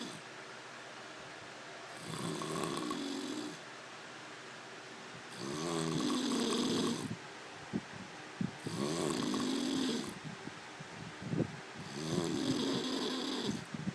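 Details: Sleeper snoring: four rough, fluttering snores about every three and a half seconds, roughly 17 breaths a minute, with quiet pauses between; snoring.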